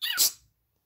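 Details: Pet parrot that has mimicked sneezes and coughs since six months old: a single short, sharp sneeze-like burst imitating a human sneeze.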